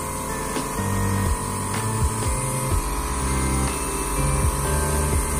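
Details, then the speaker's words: Steady low motor hum with buzzing tones from a small battery-powered portable nebulizer just switched on, producing medicine mist through the mask during a demonstration; normal operating sound. "এই যে আমাদের কিন্তু মেশিনটি already on হয়ে গেছে। এমনকি আপনারা দেখতে পাচ্ছেন যে এখান থেকে কিন্তু অলরেডি বাষ্প আকারে মেডিসিনটা কিন্তু বের হয়ে আসছে।"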